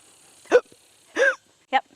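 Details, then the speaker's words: Hiccups from a 5-year-old Friesian gelding in week 8 of re-training, heard during groundwork right after he held his breath while backing up: three short, abrupt voiced bursts about half a second apart against a quiet background. "good boy so did you guys hear that did you hear that hiccup"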